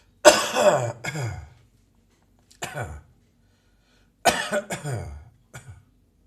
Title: More Morning Coughing